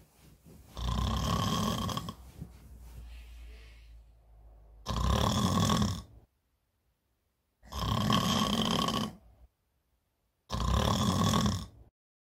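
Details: Staged comedy skit of a woman snoring in bed beside her partner: loud, harsh, rattling inhalations about 22 a minute with silent gaps between them; heavy snoring, acted rather than real.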